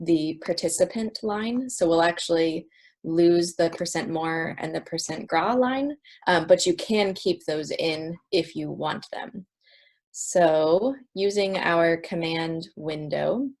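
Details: Adult woman speaking; no disorder.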